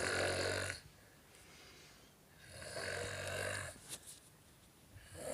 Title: king of snoring